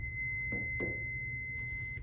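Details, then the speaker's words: Steady high electronic tone with faint clicks as a trainer (training) AED is switched on in a first aid/CPR course demonstration, just before voice prompts to apply pads to the patient's bare chest; AED power-on tone. "However, I do have a trainer version of an AED, so I am going to pull this out and I am going to turn this on so you kind of see what the AED does. So I'll turn that on."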